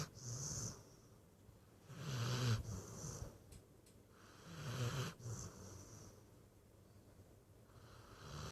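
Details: Scrappy, a dog, sleeping: low rattling snores with hissy exhalations, about three cycles in eight seconds; ordinary snoring.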